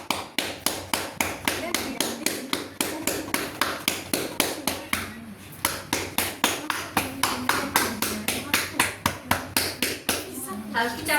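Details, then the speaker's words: Cupped-hand chest percussion clapping on a male patient's back during a chest physiotherapy demonstration: rapid, rhythmic hollow claps (about 21 taps advised) with quiet talk behind, done to loosen secretions and followed by vibration with deep breathing. "Oke pak saya akan melakukan perkusi pukulan tepukanpukulan di bagian eh punggung Bapak ya"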